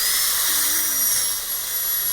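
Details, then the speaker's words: Steady high-pitched whine of a high-speed dental handpiece with a 55 burr, pitch shifting slightly under load, cutting a class II preparation on a maxillary premolar during a dental teaching course. "But mostly with a 55 burr, I want you to get rid of all the excess."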